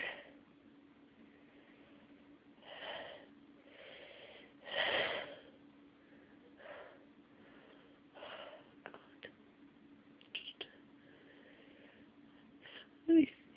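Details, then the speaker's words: Person with nasal congestion and a tickling nose tries to sneeze: several hitching breaths build up, with one forceful burst near the middle and a sharp one at the end, over steady room hum; a struggling sneeze. "It's making me want to sneeze. But it's not quite there."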